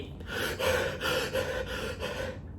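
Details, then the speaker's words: Simulated hyperventilation as seen in people under severe stress or panic: quick, loud, gasping breaths, about five in two seconds, imitating rapid panicky overbreathing. "เพราะว่าคนบางคนเนี่ยเวลาเครียดมากๆหรือเวลาแพนิคตกใจมากๆนะครับมันจะมีลักษณะอาการอันนึงที่เรียกว่าhyperventilationหรือหายใจแบบนี้"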